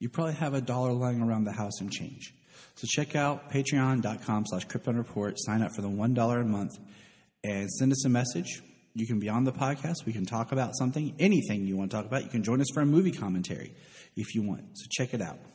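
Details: Adult man; Normal adult male speech.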